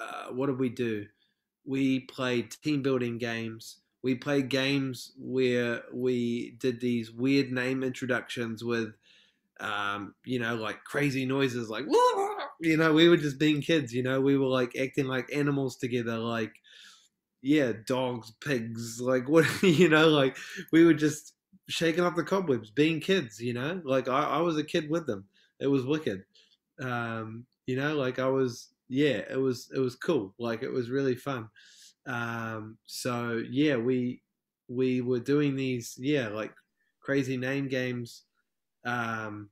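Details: Adult man from New Zealand who identifies as a person who stutters, with repetitions and pauses: stuttering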